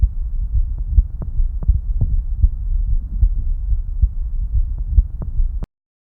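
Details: Regular, dull heartbeat thumps over a steady low hum, recorded with a mobile stethoscope fitted with a superhydrophobic nanowire-based layered antibacterial surface.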